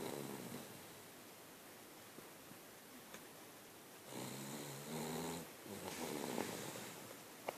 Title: Winston the Snoring Italian Shih-tzu Dog